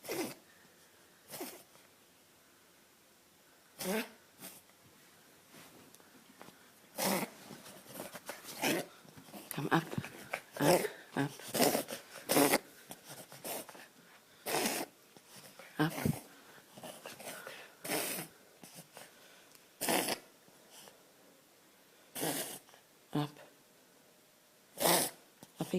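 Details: Dog (female) reverse sneezing, repeated harsh snorting inhalations followed by gagging coughs; likely pharyngeal inflammation, suspected allergic cause.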